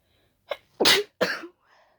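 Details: Allergic wet sneezing after closely smelling daisies, described as very tickly and wet: a short inward catch of breath, then two quick forceful sneezes in a row.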